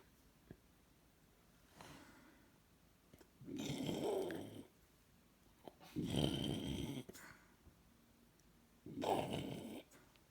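Slow, rough rattling snores on breathing in, about three in ten seconds, in a quiet room: snoring.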